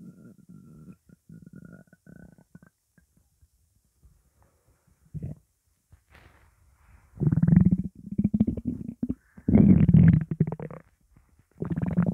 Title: hungry belly